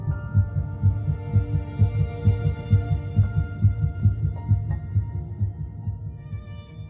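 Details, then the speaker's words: Rapid regular whooshing pulses, about 130 a minute, with music underneath: fetal heartbeat on doppler in a narrated account of embryonic development stating heartbeat is detectable at three weeks one day, 22 days after fertilization. "at three weeks in one day just 22 days after fertilization olivia's heartbeat can be detected"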